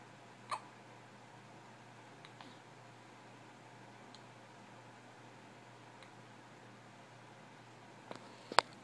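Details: Hiccups: a few short, sharp hiccup sounds over quiet room noise, with small faint catches between them.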